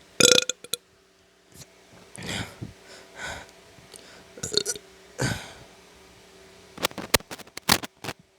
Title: burping night *buurrp*